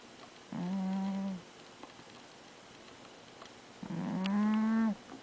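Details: Two drawn-out, humming, tonal snores about three seconds apart from a sleeping overweight cat, against quiet room noise: snoring.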